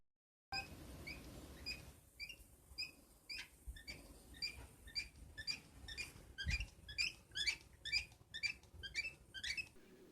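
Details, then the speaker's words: Budgerigar with audible breathing noise, a sign of illness: short, high-pitched squeaks about twice a second in time with breathing; tail bobbing is also a breathing sign to watch for. "bei der Atmung solltet ihr auf das Schwanzwippen achten und ob es hörbare Atemgeräusche gibt wie dieses tiechen z.B"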